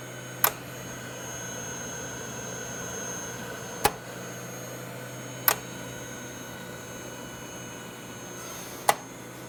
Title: VentaMAX Mechanical Ventilator